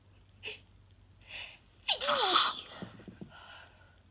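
Two soft in-breaths build to one forceful sneeze, followed by a few short breaths: a single sneeze.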